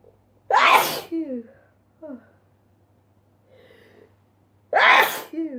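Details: Two loud sneezes in a sneezing compilation, each followed by a brief voiced sound, with a quiet pause between them.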